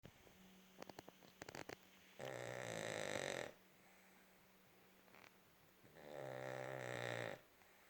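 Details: Dog snoring very loud; two long, buzzing snores on the in-breath, about 10 breaths a minute, with quiet room noise between them.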